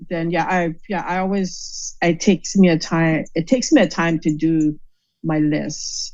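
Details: Aphasia caused by stroke, in an adult woman.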